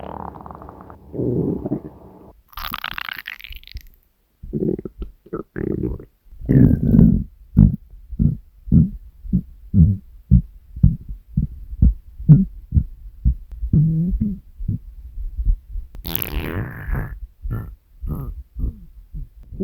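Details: Hunger stomach growling (borborygmi), compiled from three years of recordings of the uploader's own stomach: a long run of low gurgling, rumbling pulses from the abdomen with a few higher squeaks.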